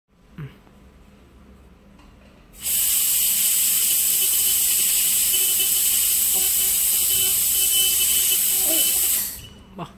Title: Detailed display of dental handpiece operation 3